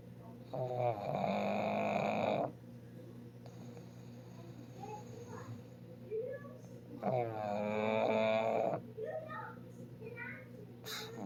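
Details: Snoring: two long, buzzing, fluttering snores a few seconds apart over a steady background hum.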